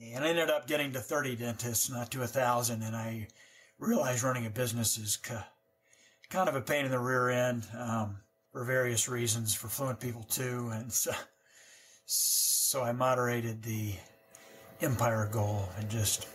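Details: Adult man who stutters, describing silent blocks and forcing words out; stuttering.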